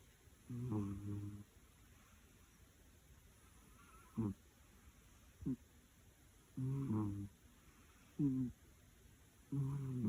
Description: This funny cat snores while taking a nap!